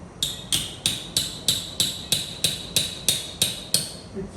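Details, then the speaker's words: Steady sharp metallic taps, about three per second, as a surgical mallet drives a titanium cage into the L5-S1 disc space during OLLIF revision fusion for non-union. "i use this part of the hammer not to slip x-ray and you need a little bit"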